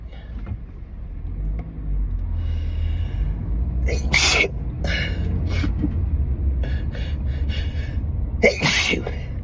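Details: Allergic sneezing fit in a moving car, set off by a strong synthetic air freshener after a day of pollen, wedding flowers and stifled sneezes: several explosive sneezes, some partly muffled, in quick succession over engine rumble.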